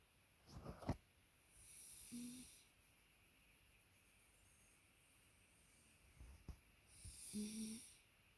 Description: Buster likes having his belly rubbed so much it sends him off to sleep. 🤣🤣#doglover #dog #dogshorts #dogsofinstagram